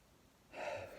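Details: Adult with seasonal bronchitis from pollen allergies and postnasal drip; after a brief quiet pause takes one loud, noisy, gasping breath, consistent with laboured breathing.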